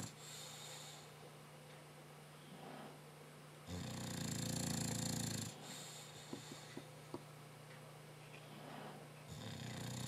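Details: Dog snoring, loud enough to drown out the TV though not his loudest: low rattling in-breath snore with a loud, longer snort midway, over room noise.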